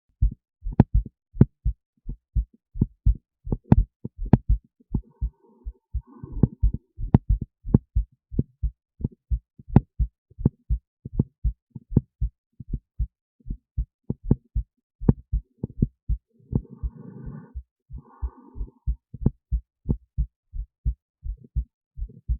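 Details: Own heartbeat recorded with an esophageal stethoscope resting near the heart, recorded alongside an EKG: regular, crisp paired heart thumps at about 75 beats per minute; normal heart sounds.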